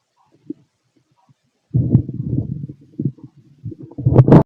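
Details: Fit adult male, stethoscope over the abdomen during digestion of pastry, chicken, curry, bread, milk, eggs and pasta: low gurgling rumbles in irregular bursts, ordinary digestive bowel sounds; heartbeat also recorded.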